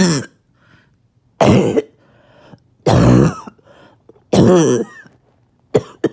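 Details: Adult, two days without sleep from coughing, gives about five loud, harsh, voiced coughs with a hoarse, honking quality, spaced about a second apart: barking cough.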